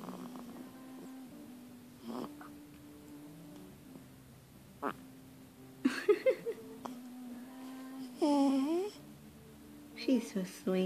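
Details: Sleeping baby girl who snores when very tired: soft, irregular nasal snoring with small squeaks and suckling sounds in a quiet room; infant snoring.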